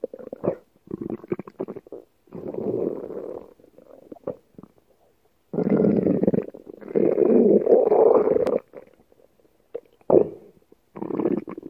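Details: Irregular gurgling and rumbling bursts: stomach growling (borborygmi).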